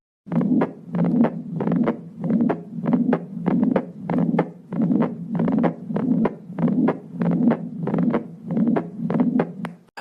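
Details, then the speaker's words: Soft first heart sound followed by a steady blowing 'shh' that fills systole, demonstrated in a heart-sounds teaching recording; pansystolic murmur of mitral regurgitation. "حتسمعون ضربة خفيفة بعدين شش، ضربة بعدين شش، زي كذا نسمع الصوت ونتأكد منه. طبعا هذا ايش يسمونه؟ يسمونه بان، يعني مستمر سيستوليك."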